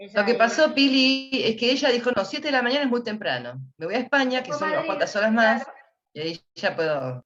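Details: Adult woman speaking Spanish; normal speech.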